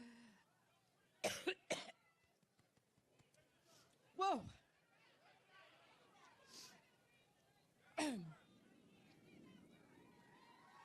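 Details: A woman's coughing fit during a campaign speech in Cleveland, Ohio: four separate harsh coughs over about ten seconds, repeated and intermittent, with faint crowd noise between them.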